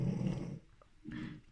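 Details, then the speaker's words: Two low, rumbling breaths with a pause between, from one of four dogs sleeping in a quiet room; dog snoring. "Vous entendrez sûrement les ronflements des chiens parce qu'ils sont là, les 4. Voilà, donc ça fait du bruit. Là oui, ça fait beaucoup de bruit."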